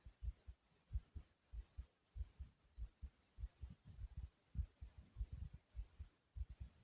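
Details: A person's own fast but regular heartbeat, described as fast yet smooth: quick, steady, soft paired low thumps with an even rhythm.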